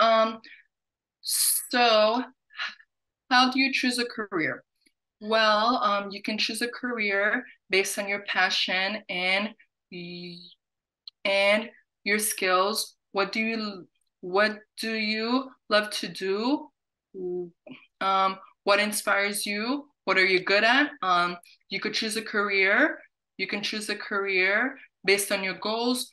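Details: Adult woman who stutters, with audible repetitions and fillers; stuttering.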